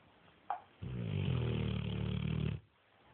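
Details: A sleeping Neapolitan mastiff gives a brief snort, then one long, low, rattling snore lasting about two seconds; ordinary dog snoring.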